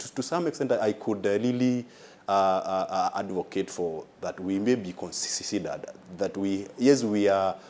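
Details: Adult man with stuttering (stammer), described by a consultant as a mild case, with delays on some words, worse when nervous; stuttering.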